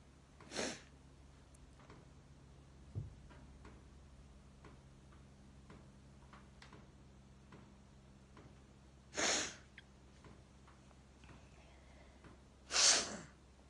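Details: Sneezing with a build-up: faint sniffs in a quiet room, then three sharp, hissy bursts of air at about 0.6, 9 and 13 seconds.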